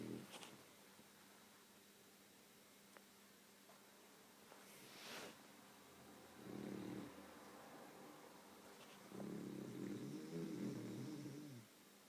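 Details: Sleeping female beagle dog that snores and twitches in her sleep: a few soft, rumbling snores on inhalation with pauses between, in a quiet room.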